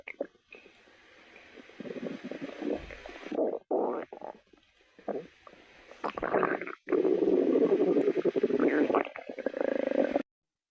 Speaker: Wait, is that your tummy I hear? Yes, it is. Wanna feel?